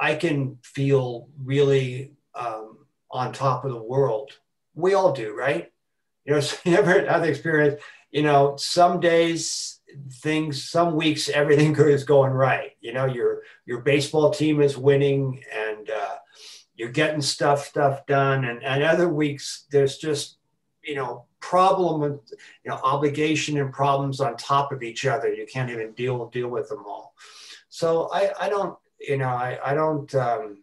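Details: Adult man who has stuttered since about age four; stuttering with repetitions, fillers and blocks throughout his speech.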